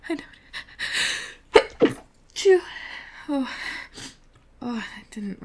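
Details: Sneeze-denial recording: several catching breaths build into two forceful sneezes, then softer voiced sounds, as the person insists they don't have to sneeze; recently sick and much more sensitive than usual, sneezes hard to hold back.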